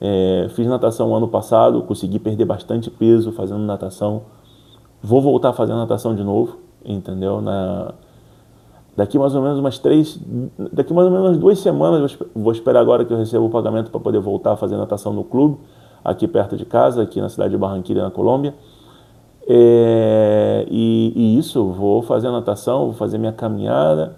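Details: Stuttering in a 37-year-old man, present since childhood, starting after his father's death; a specialist told him it is neurological, not a vocal cord problem.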